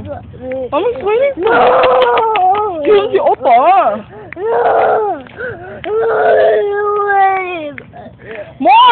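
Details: Young girl crying while out for a walk, for no apparent reason: sustained loud wailing with rising and falling pitch and brief breaths between bursts.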